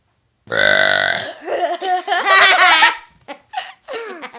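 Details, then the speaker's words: A long, loud, voiced belch with changing pitch, then a few short burps; deliberate burping during a burping challenge. "Sorry. That was a really bad one."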